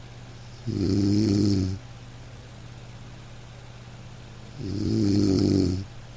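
Two loud, low, rattling snores on the in-breath, about four seconds apart with quiet between, roughly 15 breaths a minute.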